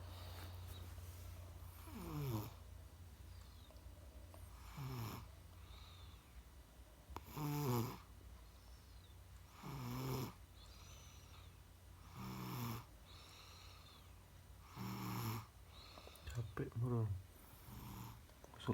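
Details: Person sleeping and snoring loudly, rattling snores about every two and a half seconds, roughly 24 breaths a minute, over a steady background hum.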